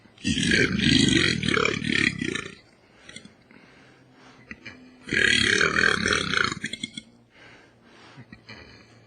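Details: Two long, loud, rumbling belches, each about two seconds, quiet room sound between; deliberate burping from TV commercials.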